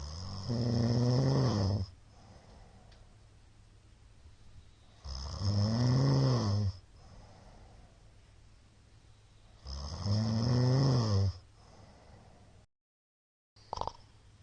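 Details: Middle-aged man snoring during sleep, sleep apnoea suspected from shallow hypopnea count: loud, regular, rattling snores about 13 a minute, each separated by a softer exhaled breath.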